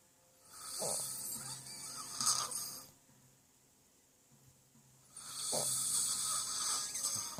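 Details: Person snoring during sleep: two long rasping, noisy breaths with a quiet pause between them.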